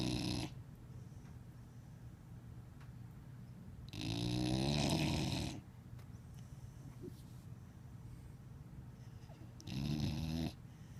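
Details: Dog Gigi, worn out after a weekend with the parents, sleeping: loud rumbling snores in regular bursts, three in about eleven seconds, with quiet breathing between, ordinary snoring.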